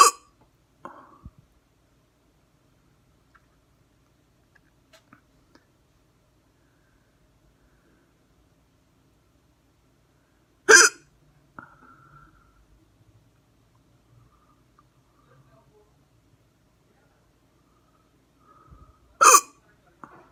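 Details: Hard hiccups, camera focused on the neck; three sharp, abrupt forceful catches of breath about ten seconds apart in near silence: hiccups.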